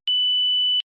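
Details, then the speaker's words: One steady, high-pitched electronic beep under a second as a Philips HeartStart FRx AED is switched on with the green button after inserting the infant/child key, in a demonstration; AED power-on beep. "to start the defibrillator press the green on off button and follow the heart start frx's voice instructions"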